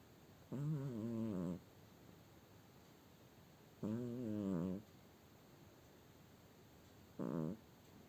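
Three deep, rumbling snores, each about a second long, at roughly 18 a minute; a cat snoring in a surprisingly human-sounding way.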